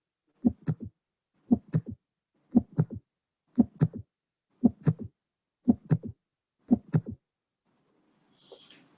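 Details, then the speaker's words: Teaching test recording in a mitral valve prolapse lesson: slow regular heartbeat near 58/min with three sounds per cycle and no murmur. The extra sharp sound is a systolic click, not a third sound. "the uh this is a click and this could not be a third sound for two reasons first because the system should be extremely short"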